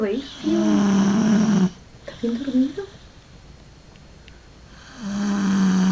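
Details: Person recording their own snoring: loud, tonal, vibrating inhaled snores separated by a quiet pause.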